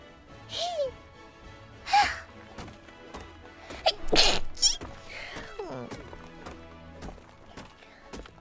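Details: A Hololive VTuber sneezing during a January 2022 livestream: about three short, explosive, high-pitched bursts with voiced tails over background music. Sneezing.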